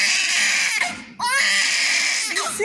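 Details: Newborn weighing 3 kg 480 g, first cry: loud, sustained, high-pitched crying with a short pause for breath, a strong, vigorous cry: newborn cry.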